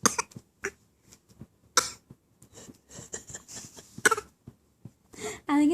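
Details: 7-month-old baby boy making a deliberate fake cough while learning to talk: several short, throaty cough-like bursts with babbling, an imitation rather than an illness cough.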